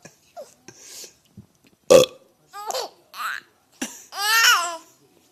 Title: burps are funny